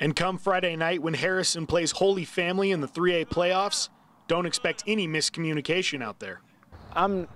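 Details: Adult male speaker; normal fluent speech.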